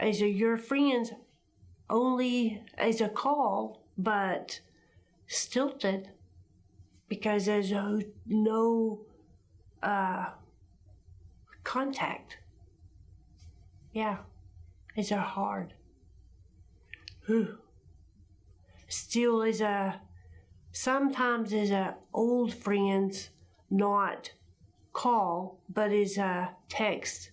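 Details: Adult woman speaking; non-fluent aphasia with agrammatism.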